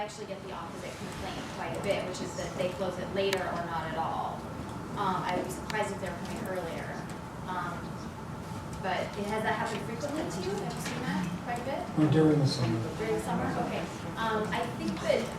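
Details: Adult woman speaking at a public meeting; normal voice.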